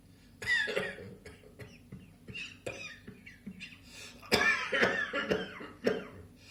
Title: Spring Afternoon Cough